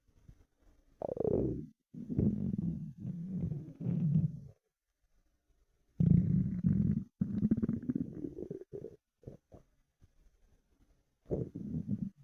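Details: Long growling, gurgling rumbles with short pops between quiet gaps from an empty stomach after 4 hours without food; hunger stomach rumbling (borborygmi).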